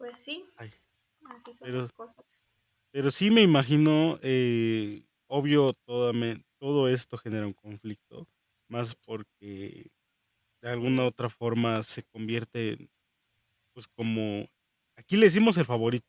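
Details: Adult speaker; Normal voice.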